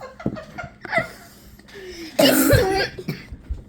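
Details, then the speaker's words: Friend coughing so hard, in quick succession mixed with laughter and background chatter during a game; a coughing fit. "She's coughing so hard my phone falling down she's coughing so hard guys is my phone keeps falling down"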